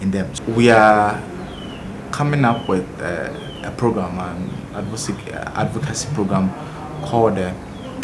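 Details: Senior high school student who has stammered since childhood, noticed around age 4 to 5, described as a genetic condition that runs in the family; stuttering.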